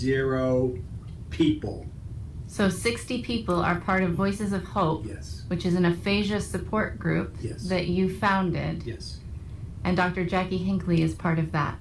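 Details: Adult female speaker; normal speech.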